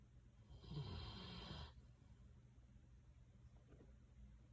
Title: Bernese Mountain Dog Snoring